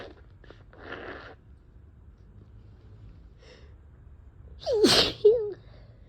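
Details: Someone with a sneezy head cold of a few days sniffs and blows their nose, which worsens the tickle, then gives a loud wet sneeze followed by a second short burst.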